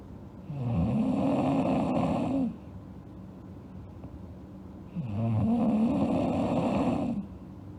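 Two long, rumbling snores on inhalation, roughly 13 breaths a minute, with quiet exhalations between.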